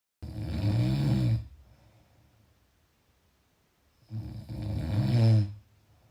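Two loud, low, rattling snores on breathing in, with a quiet pause between; typical snoring from throat vibration during sleep.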